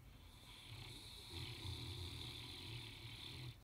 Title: Peacefully sleeping, snoring Saint Bernard - Beethoven